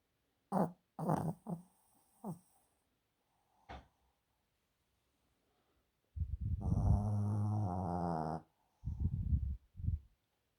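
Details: Small Yorkshire terrier dog asleep, snoring with irregular snorting and rumbling breaths and a longer buzzing snore.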